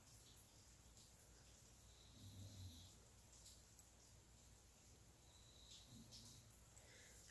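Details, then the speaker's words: Faint, low rumbling snores recurring about every four seconds against a quiet room at night, from a husband asleep in the background; background snoring during sleep. "husband dog and daughter all all sleeping you can probably hear my husband sleeping I mean snoring in the background"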